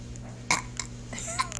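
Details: Burping on request: a short burp followed by a faint voice, with a steady background hum.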